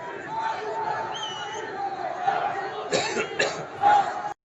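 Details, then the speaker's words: A man's cough heard in the background of a live-stream reaction, noticed by the streamer. "The guy's coughing. Did you hear that?"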